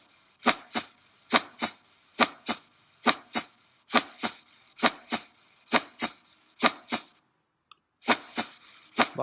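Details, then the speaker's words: Veterinary cardiac auscultation teaching recording: regular paired lub-dub beats at about 68 a minute, with a brief pause near the end; normal first and second heart sounds from valve closure. "Vamos a escuchar los sonidos cardíacos, el dum y el loop. Ya les expliqué, los sonidos los da en la válvula."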